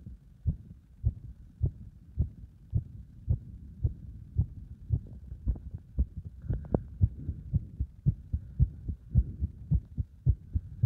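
Fast, regular heartbeat around 110 beats a minute with strong thumping beats, as heard after exercise.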